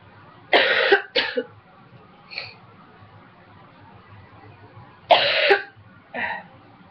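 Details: Two clusters of short, harsh, dry coughs, about five bursts in all, with no rattle or wet sound; dry cough in an adult with a cold who quit smoking almost two years ago.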